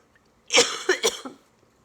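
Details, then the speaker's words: Adult woman with cystic fibrosis on oxygen and IV antibiotics, feeling suffocated when lying flat, coughs four times in a quick, harsh, chesty run; exhausted, breathing difficulty, declining hospital admission. "anytime I would lay down and lay flat I would just feel like I was suffocating even like with my oxygen on and I would just start coughing ridiculously amounts until I just couldn't do it anymore"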